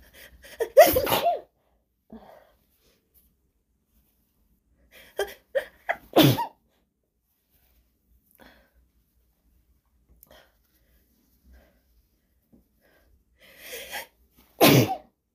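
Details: Woman's induced sneezes, phone recording in a quiet room; three episodes, each with quick catching inbreaths before a forceful explosive burst; repeated sneezing.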